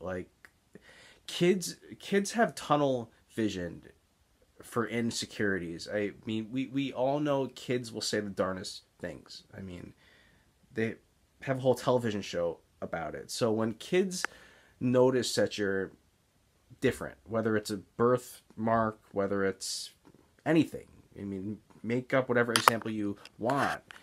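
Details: Adult man with Tourette's syndrome and stuttering, mainly speech blocks seen as excess or mid-sentence pausing, especially on words beginning with S; stuttering.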